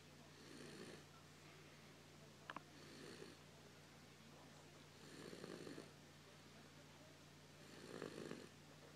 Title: Grandson snoring